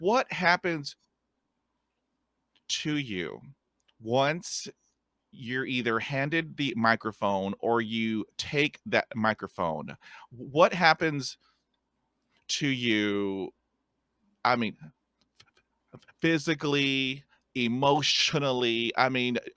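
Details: Stuttering in a podcast host who stutters and describes having a speech impediment; stuttering.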